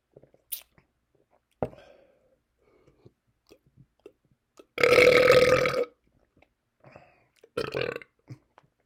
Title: Burping with seltzer